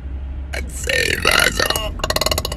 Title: 1k burps